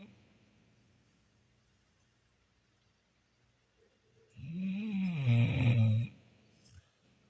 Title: Old dog snoring during one of her many daily naps 😴 #shorts #dog #catnap #snoring